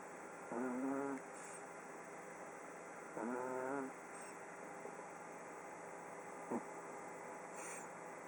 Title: Oliver - the snoring pug - day 14